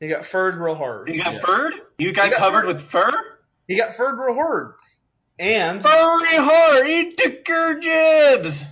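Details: Dysarthric speech in a man with cerebral palsy; he says it is not a stutter.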